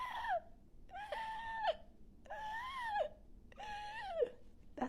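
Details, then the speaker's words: A nurse's voiced imitation, not a real patient, of asthmatic wheezing as heard by stethoscope during an asthma attack: repeated high, whistling, musical squeals with each breath. "this is how they start they have like expor and expor wiing sometime they might have expor only or inspiratory wiing especially when they have another infection with asthma that attack so they sound like"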